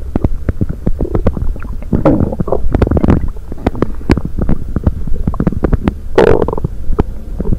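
Loud, continuous low gurgling and popping rumbles with bubbling bursts throughout: stomach rumbling (bowel sounds) from gas and fluid moving through the gut.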